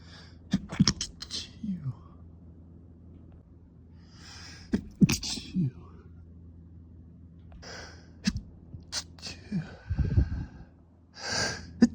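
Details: Several short, muffled explosive bursts with soft breathy gasps and quiet voice between, a male trying to sneeze quietly during a late-night fit: repeated stifled sneezing.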